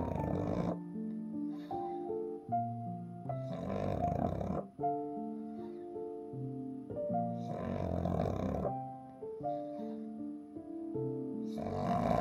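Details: Rough snorting snores, about 16 a minute, from a blissfully sleeping pug, heard under a calm melody playing over it.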